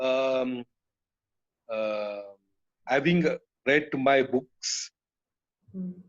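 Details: Adult man with aphasia after a haemorrhagic (burst) stroke that hit his speech centre; he was told he would never speak again; he relearned speech through years of speech therapy, and aphasia persists.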